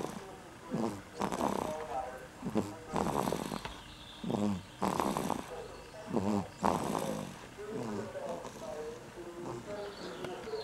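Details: Snoring.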